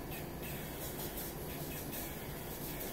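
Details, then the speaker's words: Tracheal suctioning on a training mannequin: the catheter is inserted through the tracheostomy to the 12 cm mark before suction starts, giving a steady rushing hiss with a low rumble. "you insert the catheter inside the tracheostomy you don't stretch it on the way down okay get all the way down to that 12 centimeter mark and you push it farther you'll find out that these dummies or you panicking it's not to 14 or Vegas so you get all the way to 12 and you start suction"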